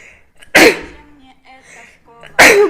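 Two loud, explosive sneezes about two seconds apart, with quiet voiced sounds between them. Repeated sneezing.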